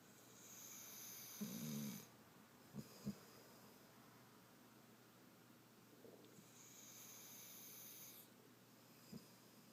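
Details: Snoring in a sleeping puppy: soft, faint snoring breaths with a few small snorts over a steady background hiss.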